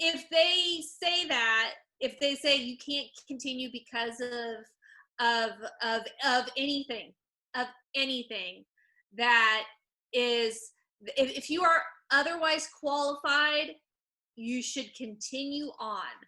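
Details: Adult person who stutters and disability rights activist, speaking spontaneously as a webinar panelist, with whole-word repetitions; stuttering.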